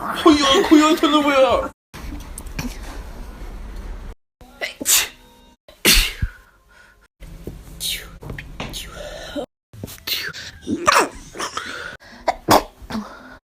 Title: hella funny sneezing compilation